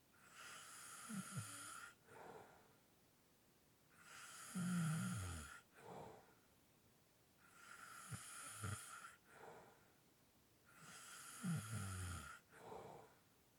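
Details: Light snoring with heavy breathing in a slow cycle, about 9 breaths a minute: a rough, fluttering in-breath, then a short airy out-breath, over a steady hiss.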